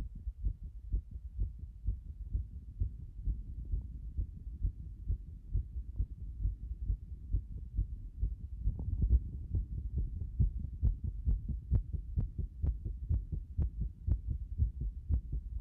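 Fast, regular low thumping heartbeat, around 130 beats a minute, quicker than a normal resting rate.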